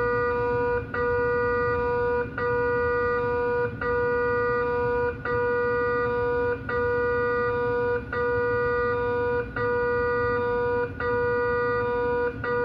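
Loud steady electronic tones broken by regular brief dropouts about 42 times a minute; MRI scanner noise during a quality assurance scan.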